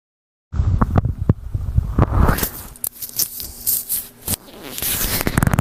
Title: stomach growling (:v)